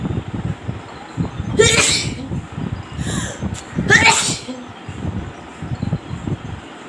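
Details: Sneezing during a paper-roll nose sneezing challenge: two loud sneezes a couple of seconds apart, with a softer burst between them, over low background noise.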